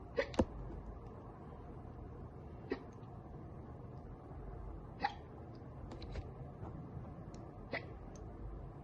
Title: Girl gets hiccups from soda.